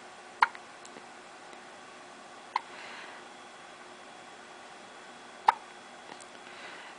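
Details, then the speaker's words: Newborn baby girl, said to be 10 days old, though also described as about 5 weeks, with near-daily hiccups, sitting in the sun with her mother: three sharp little hiccup clicks two to three seconds apart; hiccups. "And she's got the hiccups again. You had the hiccups all the time when you were in my womb."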